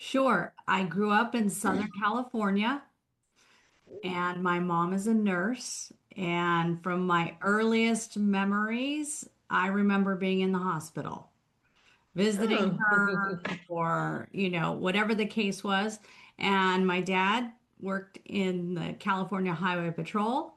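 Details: Adult woman speaking; normal fluent speech.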